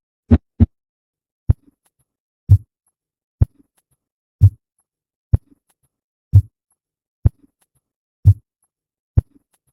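Regular low thumping heartbeats, about 60 beats a minute, with clear paired beats and quiet pauses between them.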